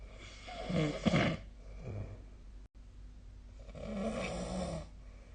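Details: Snoring during sleep, recorded 2025/02/24: two slow, rough, low rattling breaths separated by a quiet pause; ordinary snoring.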